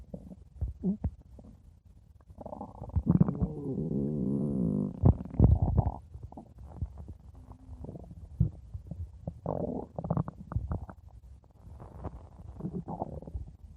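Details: Stomach growling, bowel sounds: a long low rumbling gurgle with a drawn-out tonal groan, then scattered bubbling and popping.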